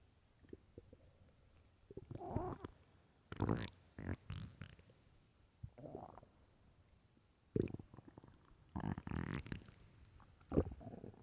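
Irregular gurgling and low rumbling stomach growls in bursts, separated by quiet gaps; ordinary hunger bowel sounds.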